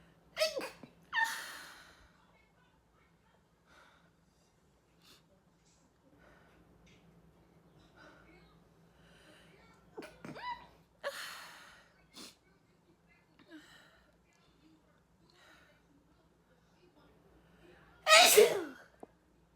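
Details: Woman with repeated sneezes, stifled sneezes and runny mucus: three sharp sneeze bursts with quiet breathing and faint sniffing between them.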